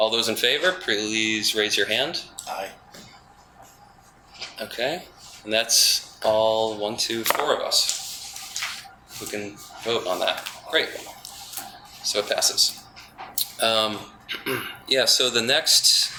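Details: Adult man with spasmodic dysphonia, which he calls basically localized epilepsy; he links his voice problem to his ski-industry years and a cliff fall at the U.S. Extreme Ski Championships that left his throat 'gunked up'; spasmodic dysphonia.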